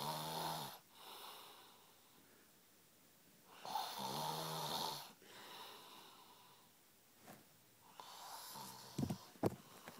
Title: AML snoring